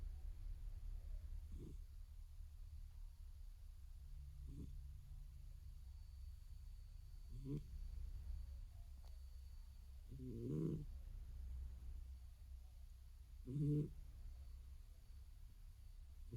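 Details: Household cat sleeping soundly, with small soft snores about every three seconds, roughly 19 a minute, over a low hum: gentle snoring.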